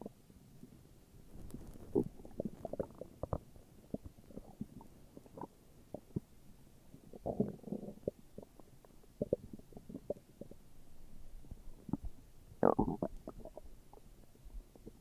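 Gurgling, bubbling rumbles come and go in a quiet room: ordinary hunger stomach growling.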